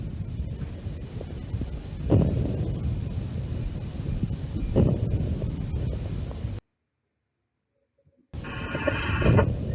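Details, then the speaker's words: Chest auscultation teaching example: coarse, low-pitched crackles at the very start of inspiration, usually caused by airway secretions, contrasted with fine late crackles of fibrosis; coarse early inspiratory crackles. "في البداية خالص اهيت، وغالبا اللي بيبقى سببها سكريشن دي بتبقى فورس كريبيتيشن."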